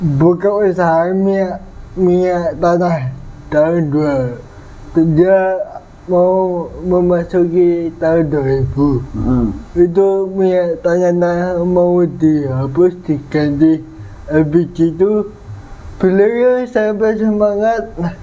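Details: 22-year-old man with cerebral palsy (physical disability), linked to a difficult, delayed delivery at birth; dysarthria (cerebral palsy).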